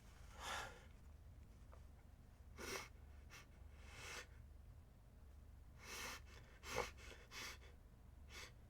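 Repeated sharp, breathy in-breaths and bursts of air, like gasps before sneezes, against a steady low hum.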